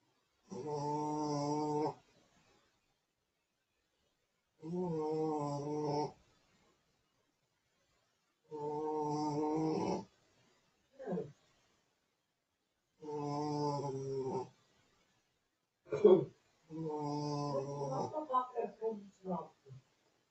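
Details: Pekingese dog snoring: loud, rattling, buzzy snores with each breath, about five in twenty seconds, ending in snorting sniffs; snoring in a flat-faced breed.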